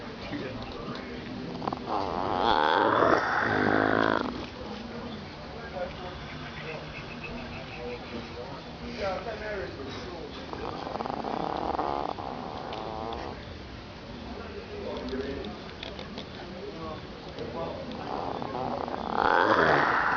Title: omg this dogg is really snoring